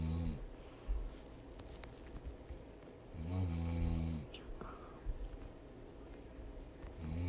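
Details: Adult woman (mother) snoring: deep, loud, buzzing snores with a long quiet stretch between them, faint background noise.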